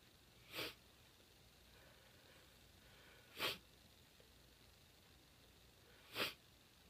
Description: Strong female sneezes